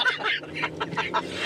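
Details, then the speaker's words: Run of short, harsh, repeated cough bursts from an adult man; his lungs were reported clear, cause unknown, he says it sounds like 50 years of smoking; chronic cough. "that was the candy cough that cough has got to go i know it has to go"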